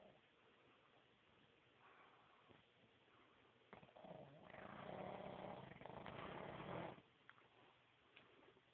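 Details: Black pug snoring: quiet, low-level recording of noisy breathing with a longer rough, rattling snore in the middle; much louder in person.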